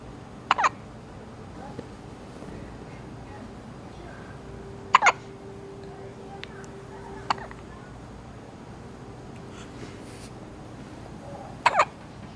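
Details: A baby hiccuping: four sharp, abrupt hiccups spread irregularly over about twelve seconds against quiet room noise; hiccups.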